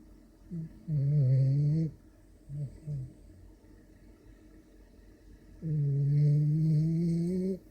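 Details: French bulldog snoring after eating and a shower: two loud, drawn-out rattling snores with softer snorts between; snoring in a small flat-faced dog.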